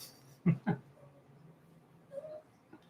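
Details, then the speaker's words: Cat's brief coughing-like fit: two quick, harsh, low bursts in a quiet room. The owner says their cats have some respiratory issues that don't seem to affect them and doubts it is true coughing. "one of my cats is making a weird uh for some reason like our cats have like these like weird like kind of like like respiratory issues here"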